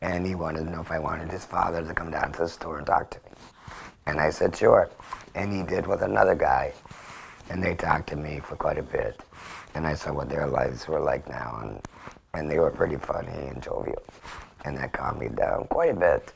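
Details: Man after total laryngectomy for cancer, now speaking with a tracheoesophageal puncture he presses on; tracheoesophageal (alaryngeal) speech after laryngectomy.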